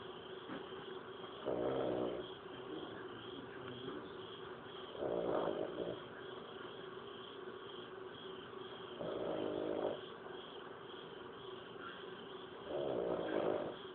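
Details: Mother snoring in her sleep, recorded from outside her bedroom: four loud, rough snores at regular intervals, roughly 17 a minute, over a steady room hum.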